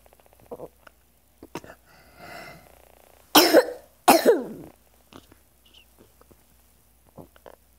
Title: Another cycle of cough and difficulty breathing